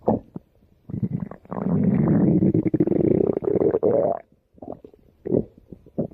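Long, loud gurgling rumble with bubbling pops before and after: ordinary stomach growling from gas and fluid moving through the gut.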